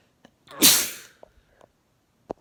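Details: A single sharp, explosive sneeze from a male with a short breath in before it and faint sounds after; sneezing.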